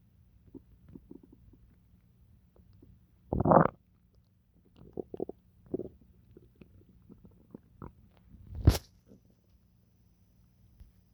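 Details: Adult stomach growling after eating pizza: irregular gurgles and low rumbles, ordinary digestive bowel sounds.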